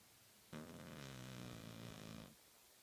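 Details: A single drawn-out, buzzing, low snore lasting under two seconds from a sleeping, twitching cat in a quiet room; snoring.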